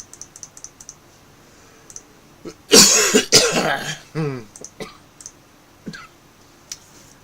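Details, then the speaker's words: An adult man who says he is feeling a little better but still has a cough gives two loud coughs, then a voiced throat clear, with keyboard clicks in the background. "Uh, sorry. I'm feeling a little bit better today. Feeling a little bit better today. Uh, I still got a bit of a cough as you can hear."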